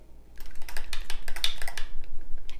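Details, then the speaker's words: Rapid irregular clicking and rattling as an inhaler spacer chamber with face mask, used for a toddler with asthma, is shaken with the medication inserted, its valve flapping; ordinary device noise. "Sometimes it makes a lot of noise because this thing like flaps around as we do that."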